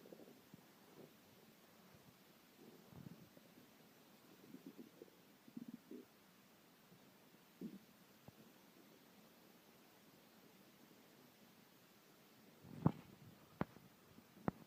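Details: Hungry stomach growling (borborygmi): quiet, irregular low gurgles and rumbles with a few sharper pops near the end; normal bowel sounds.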